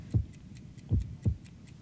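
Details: Regular low heartbeat thumps, roughly 80 beats a minute, as in a healthy person at rest (60 to 80 a minute); each systole-diastole cycle takes about a second.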